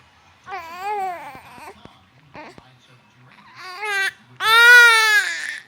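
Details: Newborn baby boy crying, upset by hiccups: fussy crying in short wailing bursts with small sharp catches between them, building to a louder cry at the end.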